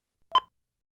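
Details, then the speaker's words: Philips HeartStart MRx monitor/defibrillator: a single short electronic chirp, periodic with a blinking red X, signalling low battery; the device is usable but with limited operating time, and the chirp is absent while charging. "indicate a low battery condition the device can be used but its operation time is limited if a battery is inserted and charging the audio chirp is not present"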